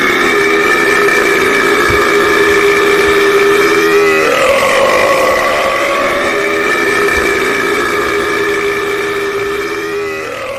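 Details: Deliberate burp in a burping contest: a long, drawn-out voiced belch with a steady droning tone that shifts in pitch partway through; burping.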